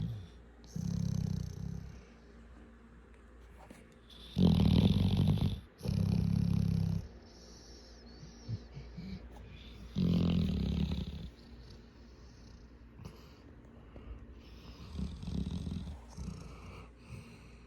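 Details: Sleeping 7-month-old dog lying on a 7-year-old dog: loud, low rumbling snores recurring irregularly, several within about 18 seconds, with quieter breathing between; snoring.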